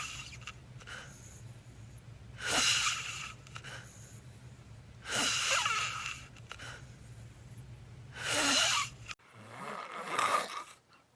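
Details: Loud, harsh, hissing snoring breaths during sleep, recurring about every three seconds over a steady low room hum, in a sleeper with sleep apnea.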